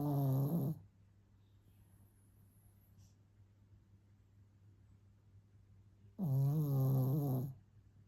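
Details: Pampered pet dog snoring: two deep, rattling snores separated by a long quiet pause, against a low steady room hum.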